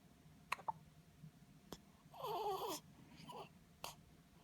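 Quiet recording with four short, sharp, jerky catches and a brief whimpering cry, consistent with hiccups.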